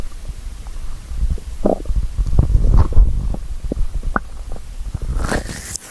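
Low, irregular gurgling and rumbling from the belly, ordinary stomach growling from hunger.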